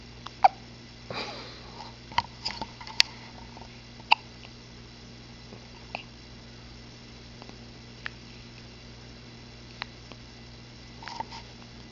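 Quiet room with short, sharp little catches spaced irregularly a few seconds apart, fitting hiccups in a cat.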